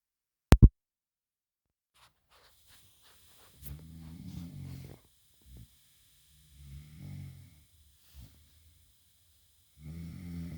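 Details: Three low, rattling snores on breathing in, a few seconds apart, in a quiet room; an adult woman snoring in bed.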